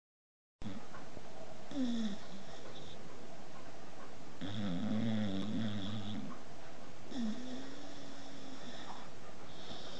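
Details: Sleeping female Papillon dog snoring: low, buzzing, humming snores repeat with each breath over steady background noise.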